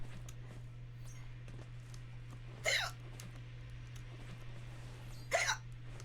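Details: Woman with hiccups while streaming and playing video games: two sharp, abrupt hiccup sounds a few seconds apart over steady low room hum; hiccups.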